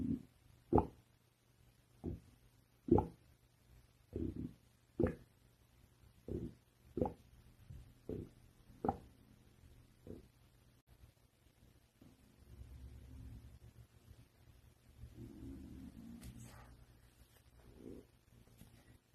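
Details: Stomach growling (borborygmi): short, irregular gurgling pops and rumbles, roughly two dozen a minute, then a longer low rumble.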